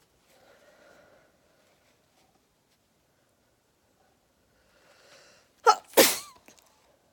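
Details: Person stifling sneezes: quiet breathy lead-in, then two sharp, partly held-back sneeze bursts close together; stifled sneezes.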